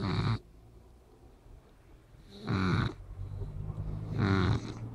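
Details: Rough, fluttering snores from a sleeping Shar-Pei dog, three in five seconds, with quieter breathing between.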